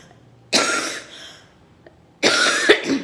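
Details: Two harsh, forceful coughs about two seconds apart, each with a rough throaty tail, from a woman with a cough and cold that she says is improving but still present; cough.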